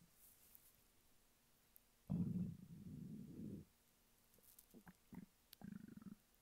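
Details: Male lying flat on his bed while hungry: a low drawn-out rumbling growl followed by shorter gurgles over a faint hiss. Borborygmi, ordinary hunger stomach rumbling.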